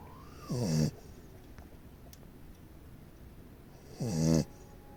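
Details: Dog snoring: two short, low, buzzing snorts about three and a half seconds apart against quiet room noise.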